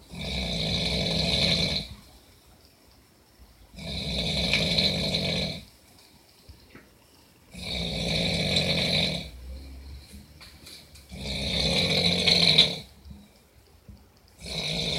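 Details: Loud, harsh snores about every 3.7 seconds, roughly 16 a minute, with quiet pauses between; steady, heavy snoring.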